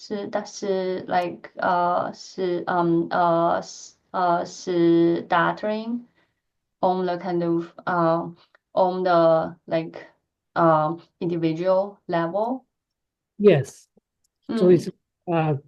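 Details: Adult female lecturer who stutters, speaking in a Q&A with repetitions and filled pauses; she reports feeling physical tension when talking; stuttering.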